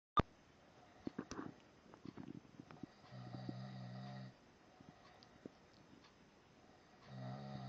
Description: why i cant hear the tv